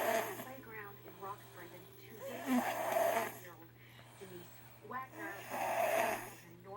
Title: 7 Year Old Sleeping in His New Lego Bed Snoring